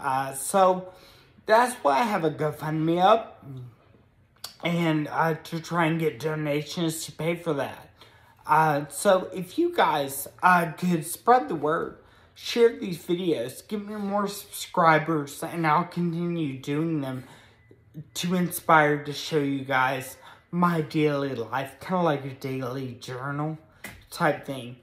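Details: Ataxic dysarthria in an adult man with moderate Friedreich's ataxia, a progressive spinocerebellar degeneration diagnosed at 16 in 2007; speech varies with good and bad days; also has a brain injury from being hit by a car.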